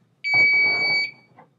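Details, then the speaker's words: Philips OnSite/Home AED starting its automatic diagnostic self-test after battery reinsertion during maintenance: a single loud, high, steady electronic tone of about a second, then voice prompt "Self-test"; AED start-up alert tone. "Self-test. In case of emergency, press the green on-off button."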